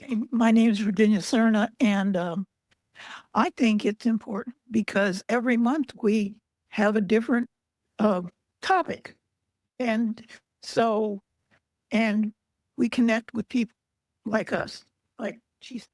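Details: Female aphasia support group member, in a stroke survivors' series, reporting trouble with reading, writing and spelling; aphasia.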